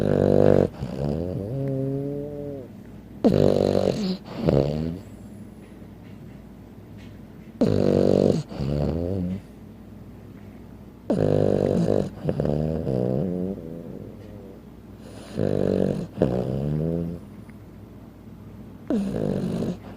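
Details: Frenchton dog weighing 15 pounds snoring while asleep: loud, deep rattling snores with a groaning tone on each breath out, about 15 breaths a minute.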